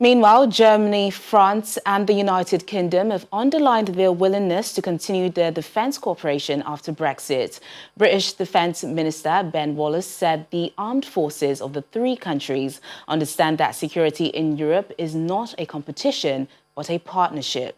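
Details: Adult newsreader; normal speech.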